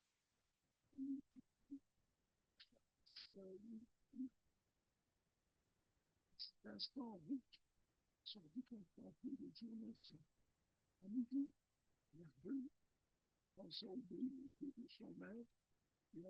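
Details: Patient with laryngeal paralysis after thyroid surgery, reading a standard text; clearly pathological, rated G2-3, R2-3, B0, A0, S0; hoarse voice with diplophonia.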